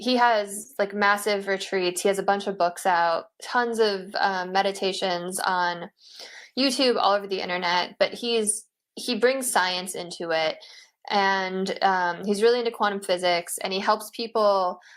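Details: Adult woman speaking; normal speech.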